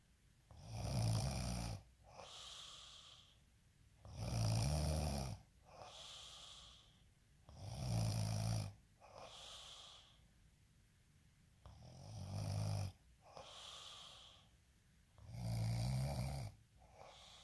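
Deep, rumbling snores on each in-breath with softer out-breaths, about 8 breaths a minute; regular snoring.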